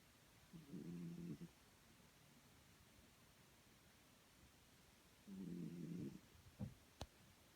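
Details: Snoring recording of a sleeper, shown with photos.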